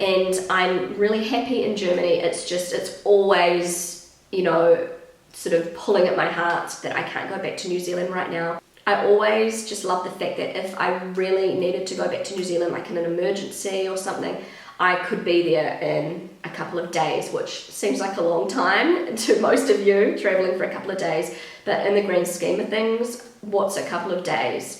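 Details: Pregnant woman with a habitually croaky, crackly voice that she says worsens whenever she is pregnant, blaming the pregnancy; she is also slightly out of breath; vocal fry.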